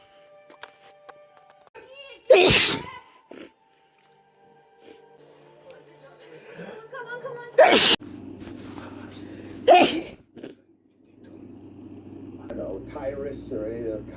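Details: Three explosive sneezes from a male, spaced several seconds apart, induced with chhikni sneezing powder, with music and TV talk in the background.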